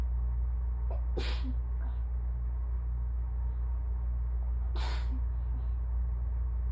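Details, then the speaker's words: Two soft, weak sneezes over a steady low hum, quieter than usual because asthma is limiting lung filling, during the third part of an ongoing allergy attack; person is dizzy, sweaty, with mild breathing trouble: sneezing. "I hope these don't sound weird, but they're always a lot softer once my asthma gets involved, for obvious reasons."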